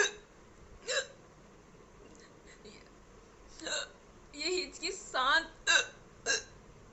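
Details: Adult woman with hiccups (singultus): repeated abrupt, sharp catches in the throat, about five in seven seconds.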